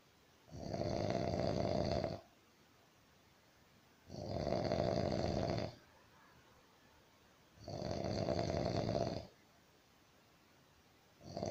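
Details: Sleeping roommate: loud, regular rattling snores on each breath in, about 17 breaths a minute, with quiet pauses between; snoring.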